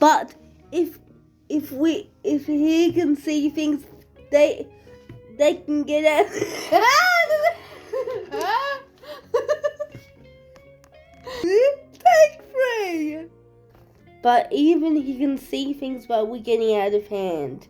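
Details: Woman with cerebral palsy reading a story aloud, with repeated and restarted phrases; dysarthria.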